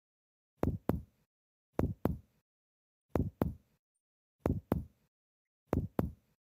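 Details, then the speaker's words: Paired percussion taps over Traube's space (sixth rib, costal margin, midaxillary line) with a hollow, resonant ring: a normal tympanic note, no splenic enlargement. "is a normal tympanic node which indicates lack of phenomenality for the kidneys"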